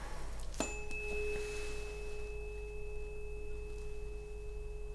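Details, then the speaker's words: Simulated ASMR cranial nerve exam for trigeminal neuralgia: tuning fork struck beside the ear, steady pure slowly fading tone while patient reports when sound stops and which position is louder. "okay so tell me when the sound stops first now very good and now is this position louder or is this one the first one the first time very good"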